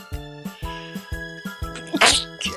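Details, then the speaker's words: Young Asian woman with a runny nose who says she sneezed many times that day: one short, explosive sneeze over steady background music; sneezing. "哎呀，我打了几个喷嚏，我打了好多个喷嚏，真的跟喷嚏直播一样。"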